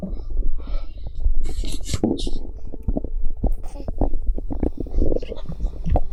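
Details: Abdominal bowel sounds recorded from a pregnant woman's stomach: irregular low gurgles and rumbles with brief hissing, squelchy bursts, typical of ordinary stomach gurgling.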